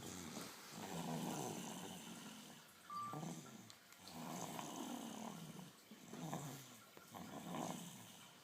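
Slow, rough, rattling snores at about 19 breaths a minute with quiet gaps between them; snoring.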